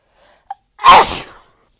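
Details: A single sharp sneeze after a brief catch of breath, one of a compilation of rapid sneezes.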